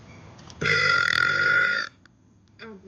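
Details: Girl in a pool gives one long, loud, voiced belch lasting over a second, with faint talk afterward: burping.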